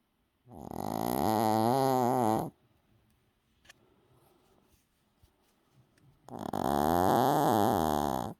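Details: Heavy snoring from a sleeping dog: two long, loud, rattling, tonal snores about four seconds apart, with quiet breathing between.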